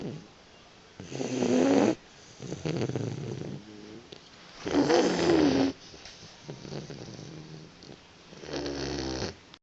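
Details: Boxer puppy snoring during a nap: noisy, irregular snoring and snuffling breaths, with a few louder snores among quieter rumbles.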